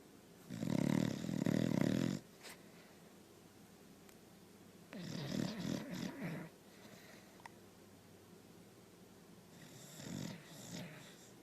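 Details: Sleeping dog snoring: three rough, rattling snores at irregular intervals, with quiet pauses between breaths.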